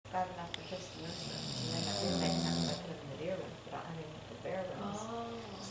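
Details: Snoring from a sleeping man, with brief background speech.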